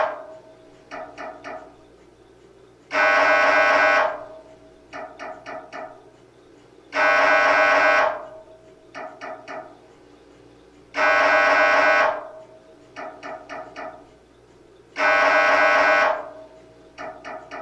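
Loud repeating buzzing tone about every four seconds, with quick knocking bursts between, the normal pulsing noise of an MRI scanner.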